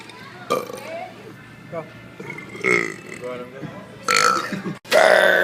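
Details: Several loud, drawn-out belches from a compilation of short clips, with some speech and music in the background; burping.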